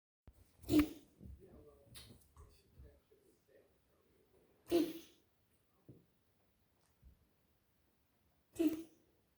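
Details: Dog coughing at night, 00:20: three sharp, harsh bursts about four seconds apart with quiet breathing and small noises between; cough.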